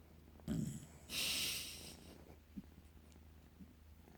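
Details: A short nasal snort followed by a hissing breath, with faint purring and breathing in a quiet room, as a dog and cat purr and snore together; snorting.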